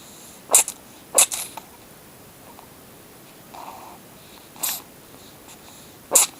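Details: Kitten sneezing strangely while on owner's foot: four quick, high, sharp sneezes over about six seconds with a faint soft sniff between them, quiet room.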